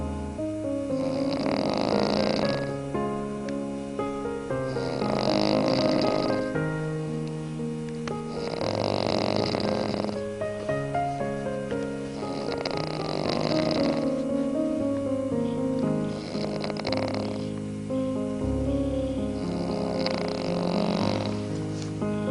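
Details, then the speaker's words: Person tired after days of hunting, recorded on a VHS camera: rhythmic rasping snores about 16 per minute, each lasting over a second, with steady music in the background; snoring. "snoring tired"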